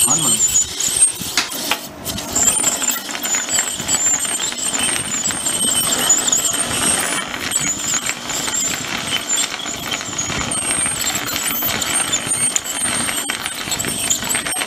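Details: Ultrasonic tooth scaling on a pug dog at a veterinary clinic: high-pitched squealing hiss of an ultrasonic scaler running steadily over the teeth during dental cleaning.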